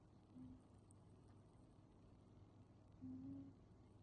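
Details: Snoring from a tom cat.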